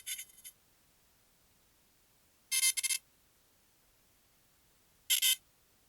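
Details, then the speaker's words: Electro-acupuncture point detector giving three short bursts of high beeping with quiet gaps, reading above 500, confirming the needle is on the correct point, in a patient with L3–S1 disc bulges and knee pain. "ఆ sound beep వింటున్నారు కదా అది 500 above చూపిస్తుంది అది అంటే అది correct point అన్నమాటఎ6 లోనే correct గా అది ప్లేస్ చేసామని మనకు అర్థం అవుతుంది అన్నమాట"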